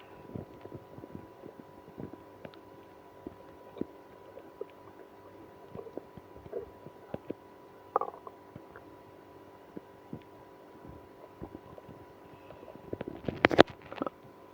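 Scattered gurgles, squelches and brief rumbles, louder near the end, over a steady hum; active bowel sounds in irritable bowel syndrome.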